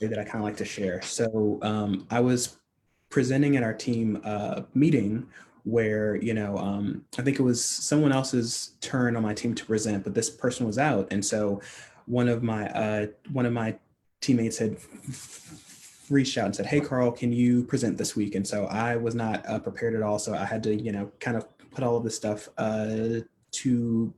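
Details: Adult man who stutters, speaking in a real, unscripted conversation: stuttering.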